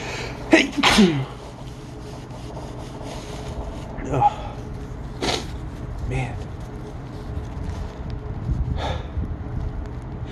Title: Sneezing Attack of Sorts